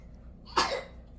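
A young child gives a single short explosive burst, a pretend sneeze, in a quiet small room.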